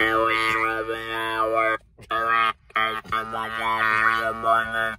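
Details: Alaryngeal speech in an adult man after total laryngectomy, recorded on a trip for his post-laryngectomy check-up.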